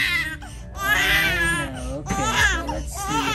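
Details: An infant, one of C-section twins, cries loudly in sustained rising-and-falling wails with breaks for breath during a chiropractic sacro-occipital technique adjustment, with her left hand usually stuck and left toes curled; faint adult talk and music behind.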